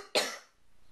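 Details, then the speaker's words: Adult with asthma coughing, with rain named as an asthma trigger: a single abrupt, harsh cough burst fading quickly into quiet room noise. "so do you hear that that is me coughing"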